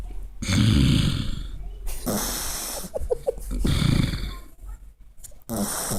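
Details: Sleeping puppy snoring, said to copy the owner's boyfriend's snoring; loud, rough, rumbling snores about every two seconds, with snorting and background noise.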